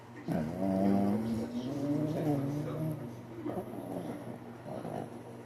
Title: adorable shih Tzu snores!! #adorable #shihtzu #snore #eepy